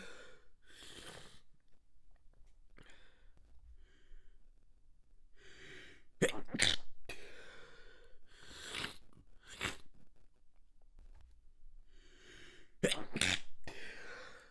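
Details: Extremely wet stifled sneeze fit as the tickle kept building: breathy inhalations build into several sharp, muffled, wet bursts of stifled sneezes.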